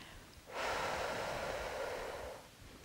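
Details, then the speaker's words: A single long, steady breath out lasting about two seconds, blowing away from the device to empty the lungs before inhaling a loaded dose from a dry powder inhaler. "para utilizarlo vaciamos todo el aire soplando soplamos fuera del dispositivo para no meter agua aquí dentro"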